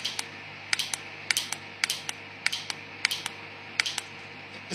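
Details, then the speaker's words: Q-switched Nd:YAG laser removing a patient's self-made tattoo marks, moving on to a Z-shaped tattoo: sharp paired snapping clicks repeating in short bursts over a quiet room hum as the laser fires. "Laser को, ये वो laser है, ये वो laser है की switch Andy egg laser है, और की स्विच एंडी एग लेजर की मुख्तलिफ चीजें फिट हैं।"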